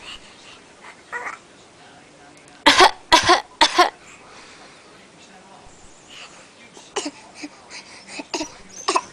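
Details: Infant with a cold, sick, gives three harsh coughs in quick succession, followed by softer vocal sounds and small fussing noises.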